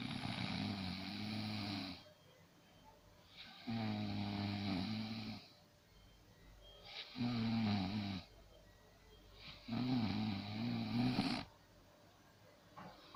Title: My snore. Loud snore.